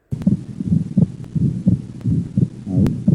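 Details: Regular heartbeat near 86 a minute with a second heart sound split that stays fixed through breathing in and out, in atrial septal defect: fixed split second heart sound.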